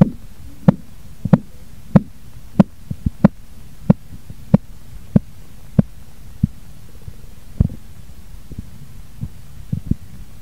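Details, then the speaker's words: Korotkoff sounds heard by stethoscope during manual blood pressure measurement as the cuff valve is slowly opened and pressure falls: regular tapping thumps at about 92 a minute, fading out toward the end. "soltamos abrimos la válvula poquito a poco y lo que hacemos Es que el manómetro va bajando la presión y empezaremos a oír unos ruidos de coros que son estos"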